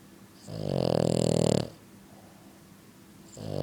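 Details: French Bulldog snoring extremely loudly: a loud, fluttering, rattling snore on a long breath, then the next begins; heavy snoring from a flat-faced dog.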